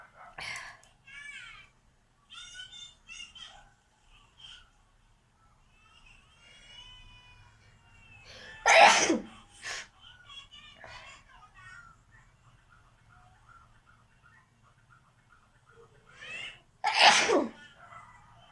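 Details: Sneezing challenge with nose blowing: sniffing and high squeaky breaths build up to two loud explosive sneezes, with soft nasal noises in between.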